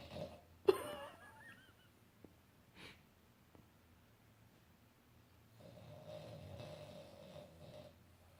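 Soft snorting and whistling breath noises with a brief louder snort, then a low sustained snore; snoring in a sleeping flat-faced dog.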